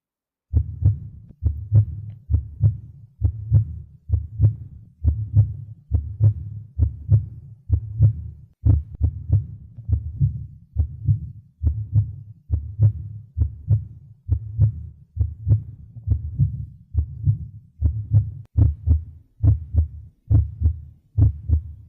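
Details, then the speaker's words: Normal heart sounds from a virtual 3D VR simulated patient, auscultated at the tricuspid and mitral (apex, left midclavicular line, fifth intercostal space) areas: regular two-beat rhythm at about 68 a minute with normal-intensity S1 and S2. "Então esse paciente aqui ele tá totalmente normal certo ele tá com ritmo cardíaco regular em dois tempos e com bulhas normofonéticas e a frequência cardíaca dele tá OK Tá entre 60 e 100"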